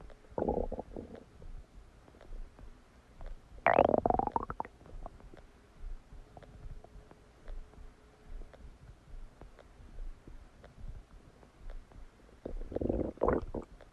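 Loud gurgling and rumbling bowel sounds with short clicks and bursts, typical of active digestion after a meal.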